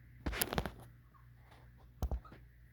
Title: clear grunt-breathing, some wheezing